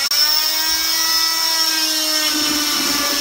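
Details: Loud, steady high-pitched whine of an oscillating cast saw, pitch dropping slightly as it bites, while cutting off a woman's cast during cast removal; cast saw cutting a cast.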